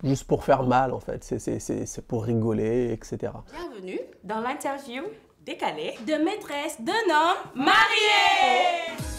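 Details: Adult man from Senegal who has stammered as part of who he is, not from stress, with uncontrollable blocks, tense jaw and forced effort when speaking; stuttering.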